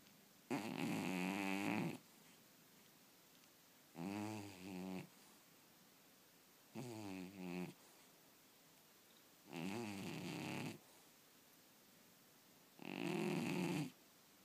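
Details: Snoring in a cat while sleeping and dreaming: five soft, buzzing snores about three seconds apart, each about a second long, with quiet gaps between.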